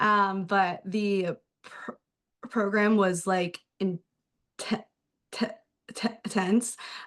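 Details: Adult male speech-language pathologist who stutters, speaking spontaneously on a panel; stuttering with audible word repetitions.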